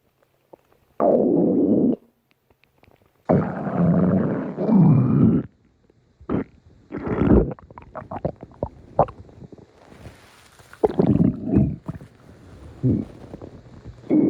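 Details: Stomach growling (borborygmi): long, low gurgling rumbles followed by shorter bubbling gurgles.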